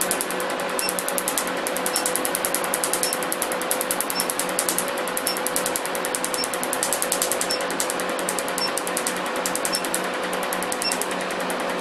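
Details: Laser removal of a professional tattoo; rapid, steady train of sharp snapping clicks, several per second, over a constant machine hum.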